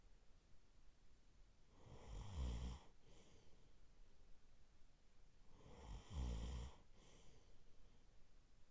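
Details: Adult male sleeping: two deep, rattling snores on the in-breath about four seconds apart, roughly 15 breaths a minute, each followed by a soft exhale; ordinary snoring.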